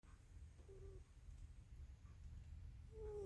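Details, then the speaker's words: Soft snoring from Fluffy, a sleeping tuxedo house cat, possibly dreaming: faint thin whistling squeaks on two breaths about two seconds apart over low room rumble. "Maybe she's dreaming. She's making that funny noise. Definitely dreaming."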